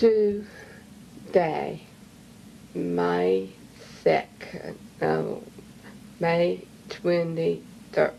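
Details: Woman with aphasia early in speech therapy, recorded by her speech-language pathologist during early weeks of dramatic progress, with self-corrections; aphasia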